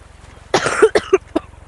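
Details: A short run of about four harsh cough bursts over a low steady hum, from a speaker who apologizes for how they sound and says they haven't taken their allergy medication.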